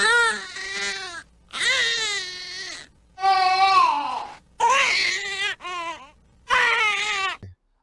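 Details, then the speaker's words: Loud, high-pitched infant crying in intense bursts: a colic cry typical of abdominal cramping or gas. "ાં ચૂંક આવતી હોય બાળકને અથવા પેટમાં દુખતું હોય અથવા ગેસ ચડ્યો હોય તો બાળક શું કરે તો એના પગ વાળી પેટ ફુલાવી અને મુઠીયો વાળીને જોસ જોશથી ચીસ પાડીને રડે છે એનો રડવાનો પણ અવાજ અલગ હોય છે"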